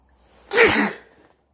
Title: Sneezing while wearing a yellow jacket